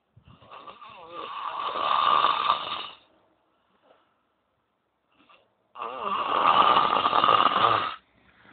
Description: Apo roncandooo